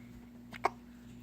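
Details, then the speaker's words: Infant hiccups described as strong and gurgly: a single sharp, brief hiccup preceded by a faint catch, against steady room hum. "Oh, those hiccups are strong. Sound like they hurt."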